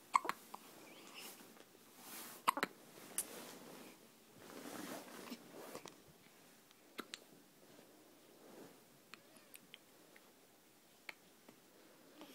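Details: 12-day-old with hiccups: short, sharp catches of breath recurring at an uneven pace, roughly 26 a minute, in a quiet room.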